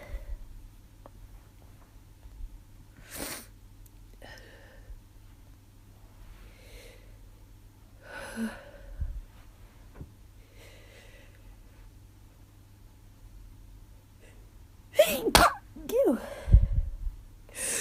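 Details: Adult, sick with sore throat and headache after suspected allergies, sneezing repeatedly with sniffing between and a quick cluster of sneezes near the end.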